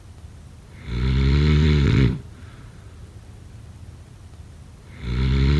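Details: Snoring: loud, deep, rumbling snores on each breath in, about four seconds apart, with quiet breathing out between them.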